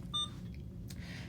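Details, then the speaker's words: Single brief electronic keypress beep from an Alaris IV infusion pump during power-on new-patient setup in a nursing school IV lab, quiet room; pump beeps if buttons aren't pressed quickly. "so you'll hear some beeps if you don't hit the buttons quickly enough so what I'm gonna do is hit select yes and"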